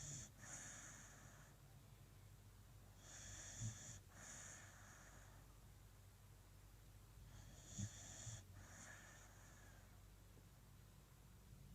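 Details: Beagle sleeping on a cold morning, snoring: soft, whistling snorty breaths repeating every few seconds.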